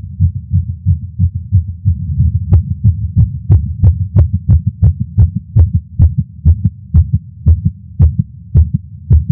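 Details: Adult male's heartbeat via Stemoscope while smoking a cigar after not smoking for a while, feeling lightheaded: rapid, closely spaced heart thumps over a low throbbing hum; fast heartbeat (tachycardia) after nicotine.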